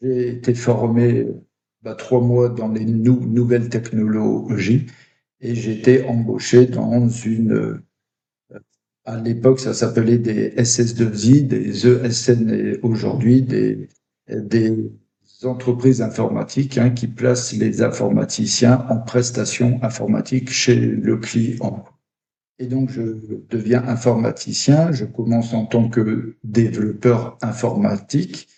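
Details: Adult male who stutters, French-speaking, and reports blocking and forcing until the word comes out. Stuttering.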